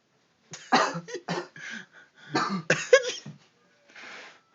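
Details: Rapid run of about seven harsh coughs in quick succession from a man with bronchitis gone wrong; coughing fit.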